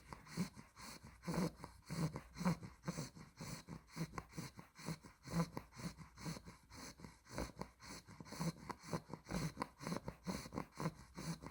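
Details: 2-month-old female Olde English Bulldog puppy (exotic blue merle tri) snoring while asleep: rapid, rough snorting breaths, roughly 60 breath cycles a minute.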